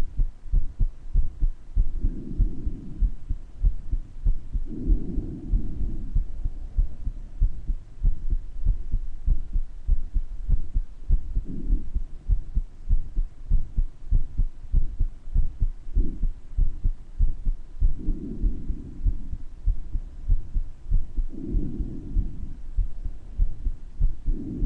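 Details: Recording of the uploader's own heart murmur with breath sounds: steady heartbeat about 97 a minute, a murmur between beats, and breath sounds rising and falling.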